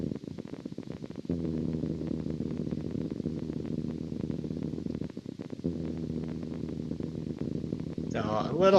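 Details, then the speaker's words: Needle EMG of the genioglossus (tongue) in a patient with unilateral tongue weakness who lost his voice: steady buzzing, crackling bursts; grouped, somewhat irregular spontaneous discharges, possibly prejunctional potentials. "so um they look like they're prejunctional oriented potentials because they're somewhat irregular but they're kind of grouped firing um not the most classic myyy I've ever seen"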